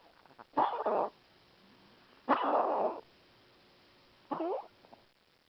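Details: Dog coughing after stent placement: three harsh, somewhat honking cough bursts separated by quiet pauses.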